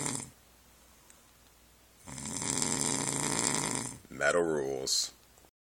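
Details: Adult man sleeping after a TV shoot: long, loud, rattling snore on breathing in, followed by a harsh snort; heavy, loud snoring.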